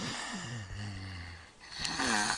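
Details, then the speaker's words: Baby with suspected sleep apnea, mouth-breathing and snoring without nasal congestion, holds his breath, then gasps for air. "okay there he goes saw that no he's gasping for air the breath they took beforehand he was actua"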